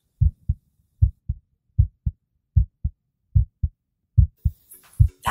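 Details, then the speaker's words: Normal human heartbeat, heard through a stethoscope: steady, low thumping in pairs at about 75 beats a minute. "the sound of a human heartbeat scientists and physicians have observed the sound function and anatomy of the human heart for centuries"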